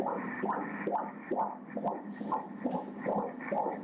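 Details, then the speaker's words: Doppler ultrasound at 29 weeks of pregnancy gives a rapid, regular whooshing fetal heartbeat at 134 beats per minute: normal fetal heartbeat. "बच्चे के दिल की धड़कन सुनिए"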